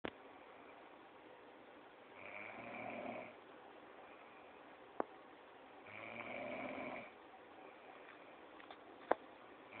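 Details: Snoring from a sleeping adult female roommate; two slow snores with soft rasping breaths and a couple of sharp clicks, in a quiet room.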